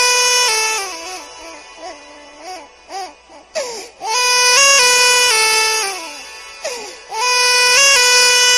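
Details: Infant crying from a sound-effect recording: sustained high-pitched wailing with short gasping breaths between bursts.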